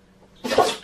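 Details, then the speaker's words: Sneeze from a dog during a sneezing fit: a single sharp, explosive sneeze after a brief quiet lead-in, heard in the background. "You might be able to hear that in the background. That's actually my dog sneezing. She's having a bit of a sneeze fit."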